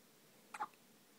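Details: A newborn boy nearly 24 hours old in hospital has hiccups: a single soft, abrupt hiccup catch in a quiet room.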